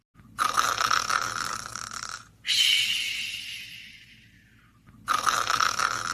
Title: Sox is tired snoring and softly cute